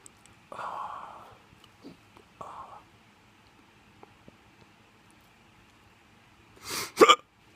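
Short voiced gasps followed by a sharp double hiccup burst at the end, in a quiet room.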